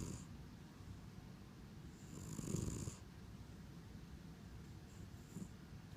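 Soft, low snuffling snores with a faint whistle on breathing, quiet between breaths; gentle snoring in a sleeping cat.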